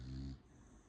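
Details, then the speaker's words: A single loud, low, rumbling snore from a resting female dog, fading into quiet room noise: snoring. "I'm so sorry if you That is my dog snoring. I'm so sorry if you can hear her. She's resting."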